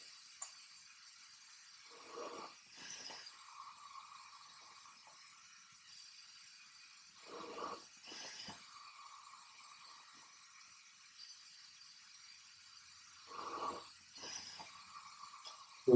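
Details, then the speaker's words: Bag-valve-mask ventilation of an apneic patient manikin with an oropharyngeal airway and oxygen at 15 L/min in EMT training; quiet squeeze-and-release bag sounds every five to six seconds, about 10–12 breaths a minute. "I'm gonna ventilate this patient one breath every five to six seconds it's very important that you have Vasili you don't want any leaking around the cheeks"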